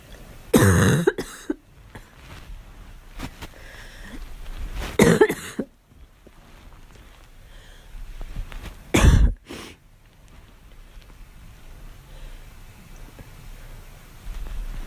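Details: Young woman coughing on request rather than from illness: three separate harsh cough bursts with quiet room noise between.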